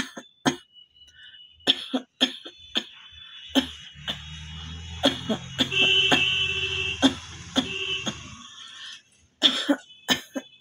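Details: Repeated short, sharp coughs, some in quick runs, over a steady high-pitched tone and faint background music; a real cough from a cold, recorded during a requested cough challenge.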